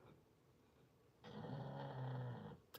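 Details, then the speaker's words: American Bully dog, mostly English Bulldog, with a short muzzle and facial wrinkles, snoring: a single long, low, rumbling breath with a fluttering rasp against quiet room noise. "I love hearing your dog snoring that sounds like my dad"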